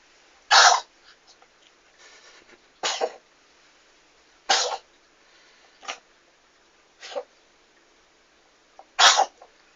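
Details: Cat sneezing: a series of six short, sharp sneezes over about ten seconds. Sneezing.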